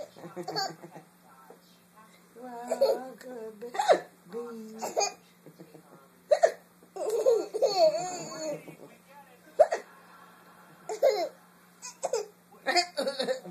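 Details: Happy, silly baby hiccuping: short, sudden voiced hiccups among giggles and babbling, with a steady low hum in the background.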